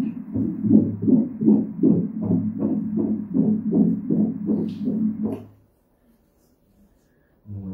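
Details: Fetal heartbeat on obstetric ultrasound at 16 weeks, cephalic fetus, fourth pregnancy: rapid, regular whooshing pulses, heart rate 162 per minute, then silence; normal.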